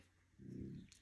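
One low, rumbling, fluttering breath sound rises and fades over about half a second against quiet room noise: a pet snoring.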